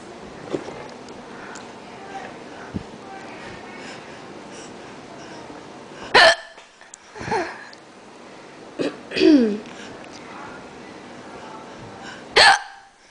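Four sharp, abrupt hiccup sounds a few seconds apart over quiet room noise: hiccups.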